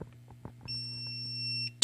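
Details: AED alert tone during a Korean defibrillator-use training demonstration, heard around the charging and shock-button prompts to stand clear of the patient; the equipment was malfunctioning.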